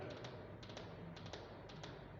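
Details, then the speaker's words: Tapped triplets imitate a gallop rhythm: a third heart sound, giving three sounds per beat instead of two, like a horse's gallop, characteristic of left heart failure. "Tercer ruido cardíaco, ritmo de galope. Así es el sonido. Como si fuera un caballo. Así suena el corazón."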